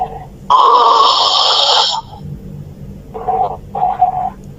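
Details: Loud, harsh, rattling snore over a second long, then two shorter grunting snorts; noisy obstructed breathing during sleep; snoring.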